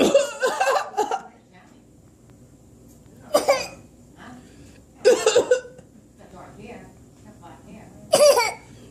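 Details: Cough from a child reported sick for 3 days: several harsh cough bursts in short runs between quiet pauses, with some voice sounds.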